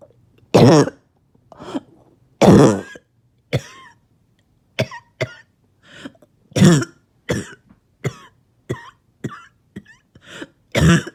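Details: A barking cough after about two days without sleep: four loud, harsh, deep coughs with smaller coughs and throat sounds between them.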